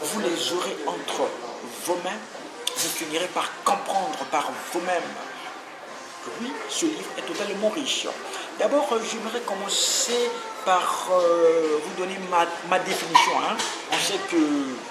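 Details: Adult French-speaking man who has stuttered since childhood, had several months of therapy as an adult, and still stutters occasionally; stuttering.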